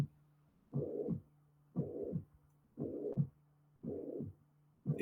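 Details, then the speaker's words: Simulated heart sounds at about 58 beats a minute with a whooshing holosystolic murmur filling all of systole and leaving diastole quiet, presented in the context of mitral disease with regurgitation. "todo diastólico Perdón Es todo sistólico te deja la di libre"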